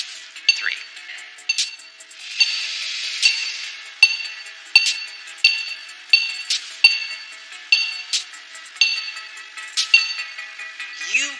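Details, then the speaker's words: Self-applied ECG monitor beeps from a doctor demonstrating biofeedback breathing: regular beeps, one per heartbeat, whose spacing shortens during a slow deliberate breath as heart rate rises, showing heart rate variation with breathing. "So you can in real time hear my heartbeat as I'm speaking and breathing. You can hear my heart rate changing. Right?"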